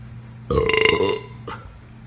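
One loud, drawn-out, throaty belch lasting under a second, then a brief softer sound, over faint room hum.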